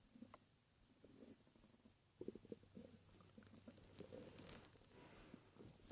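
Quiet gurgling and rumbling bursts over low room hum, the bubbling of stomach growling.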